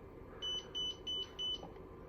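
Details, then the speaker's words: Four even, high-pitched electronic beeps against faint room noise as a Zoll defibrillator is switched on, connected to a rhythm simulator module in a training demonstration; defibrillator power-on tone. "okay so i have my module connected what i'm going to do is turn on the defibrillator to defibrillate"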